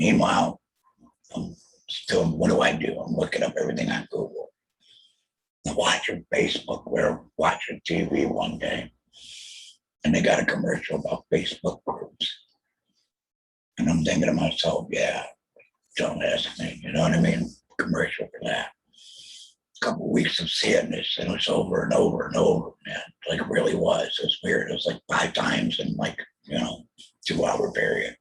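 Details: Alaryngeal substitute speech from a real adult male laryngectomee after a total laryngectomy in 2020 for laryngeal squamous cell carcinoma, followed by chemotherapy and radiation; he mentions using an electrolarynx.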